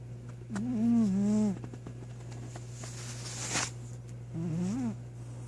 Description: My cat passed out! Snoring up a storm!